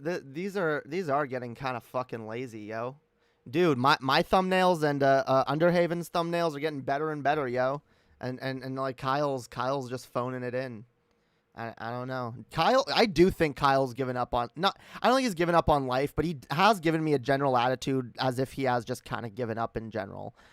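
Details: Streamer who self-reports stuttering, with repeated words and phrases; real stuttering.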